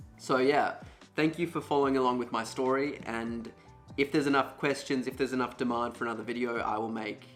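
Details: Adult male speaker; normal speech.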